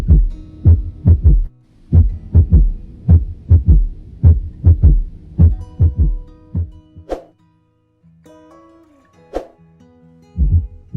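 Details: Heart auscultation with low thumps in a three-beat S1, S2, S3 sequence: S3 ventricular gallop from rapid passive ventricular filling.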